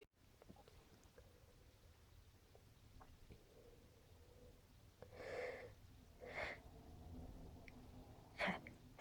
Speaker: Phew. I gotta sneeze. Phew. Phew. Sneeze. Phew. Gotta sneeze.